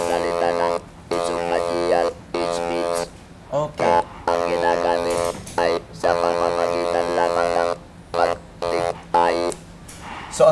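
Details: Adult male laryngectomy patient, vocal cords removed for smoking-related laryngeal cancer, speaking with an electrolarynx; electrolarynx speech.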